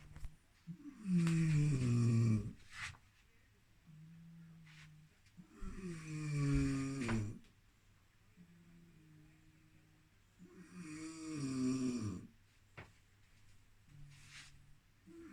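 Loud rattling snores on each inward breath with softer humming outward breaths, about 12 breaths a minute; snoring.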